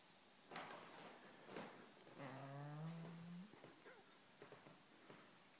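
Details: Pug dog sleeping in a quiet room: soft snuffling breaths with one drawn-out, whistling snore in the middle; snoring.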